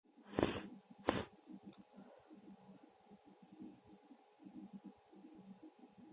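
Two sharp sneezes in quick succession, followed by quiet breathing and faint rustling. Ordinary sneezing.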